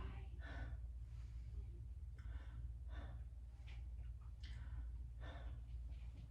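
Several deep, airy breaths in and out over a steady low room hum; normal deep breathing with no wheeze or crackle heard.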